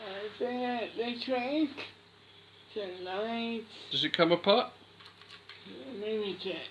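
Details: Speech of a boy with cri du chat syndrome.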